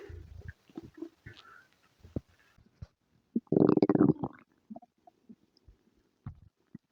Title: Stomach noises, Diarrhea and farts :3